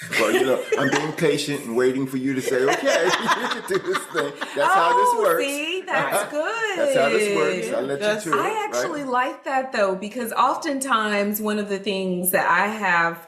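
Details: Adult speaker in conversation; normal speech.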